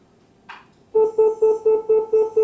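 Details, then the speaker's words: Ultrasonic harmonic scalpel (about 55,500 vibrations per second) activated in a demonstration, blade pressed against a finger and spraying water without heat: brief hiss, then a steady pulsing electronic tone about three times a second, background music; harmonic scalpel activation. "But I will tell you that this finger keep on pressing and then see together with my finger together with my finger I am putting inside and then see it is spraying the water."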